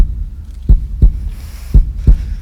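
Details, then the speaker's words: Two clear lub-dub heartbeats, steady and slow at about 57 beats a minute, with low background hum: a normal heartbeat. "je vous parle du langage du coeur du coeur physique et vous avez le bruit vous savez que le coeur ça s'écoute ça s'écoute avec cet instrument qu'on appelle un stéthoscope"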